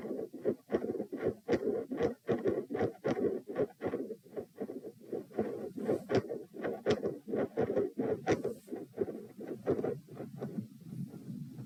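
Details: Heart sounds at position p, lying down, during manoeuvres to provoke murmurs: loud S1 and S2, both split (four sounds), with a midsystolic murmur.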